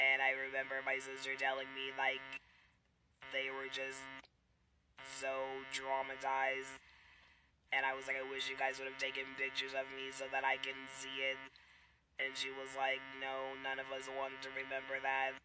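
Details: Adult woman and mother after laryngectomy following a cancer diagnosis, with an emergency C-section; her speaking method is not stated; alaryngeal speech (electrolarynx-type).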